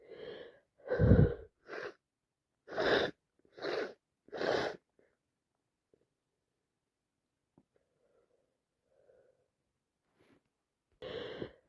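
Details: Repeated sneezing from bad allergies: six sneezes in a quick run, each with a sharp inhaled 'ah' before it, then a quiet pause and one more sneeze.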